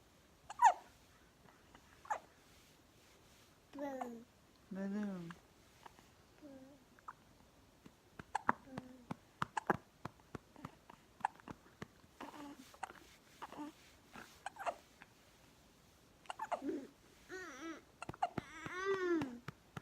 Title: Baby with hiccups